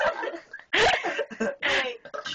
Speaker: it keeps getting stuck damn it at least i can burp in while i'm in my mouth i have to wait till burp comes back up because now there's air in my chest